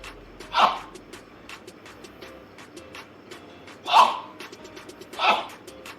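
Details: A girl sneezing rapidly: three sharp sneezes over about five seconds, with faint background noise between them.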